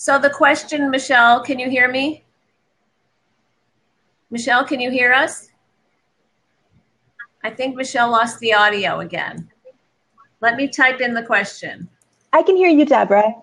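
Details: Adult woman speaking, possibly a second woman replying; ordinary speech.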